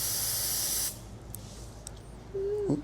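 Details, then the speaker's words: Short loud hiss of vapocoolant (cold) spray numbing the skin before an ultrasound-guided peroneus longus/brevis tendon injection near the lateral malleolus, on a real patient during hands-on training; then quiet room with faint voice. "So I only have to come back off the probe about 3/4 to a half. Cold spray."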